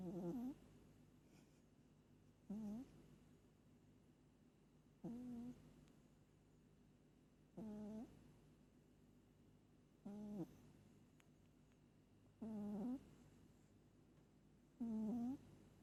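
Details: Pet cat sleeping, snoring hard: regular tonal snores on each breath, about 25 a minute; snoring.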